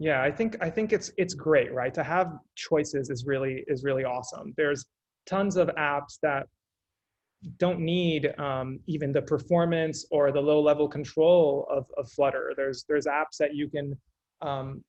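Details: Adult male speaker; normal speech.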